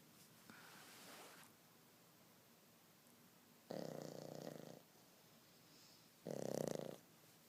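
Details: Snoring while asleep on a rainy day: quiet breaths alternating with about two loud, rattling, buzzy breaths about a second long each.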